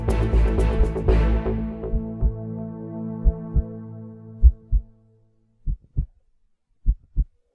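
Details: Music fades out leaving paired low thumps at about 50 a minute with silence between beats, a heartbeat sound within an epic music mix; heartbeat.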